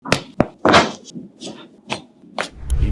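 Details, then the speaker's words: Several sharp cracks and pops during a chiropractic spinal adjustment, with faint room noise: joint cavitation from released gas bubbles in the joint space, not bone breaking. "ఇప్పుడు మీరు విన్న sound అసలు ఇంపార్టెంటే కాదు. Chiropractic adjustment చేసినప్పుడు ఈ cracking sound అనేది వస్తుంది."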